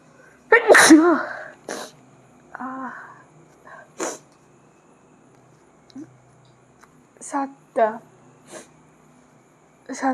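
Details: Sneezing challenge recording: a loud sneeze, followed by short vocal sounds and smaller bursts in a quiet room.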